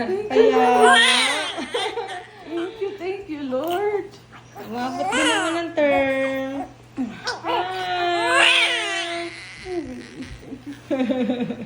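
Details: Newborn baby girl just after vaginal delivery: strong, loud wailing cries in repeated bursts with adult voices in the room; a vigorous, normal newborn cry.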